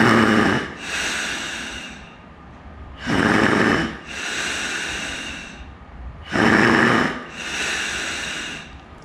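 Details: Adult breathing spontaneously through a bag valve mask in a demonstration: three harsh breaths, about 19 a minute, with forceful sucking inhalations and rasping exhalations; laboured breathing against the valve, exhausting after three or four breaths.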